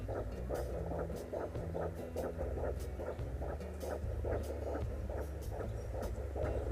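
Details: Fetal heartbeat at 19 weeks of pregnancy on Doppler: rapid, regular whooshing pulses of roughly 150 beats a minute over a low hum.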